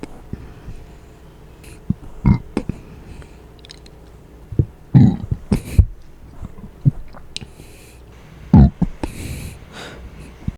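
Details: Closed-mouth burps from someone trying them for the first time: several low, muffled belches with a few faint short catches, possibly small hiccups.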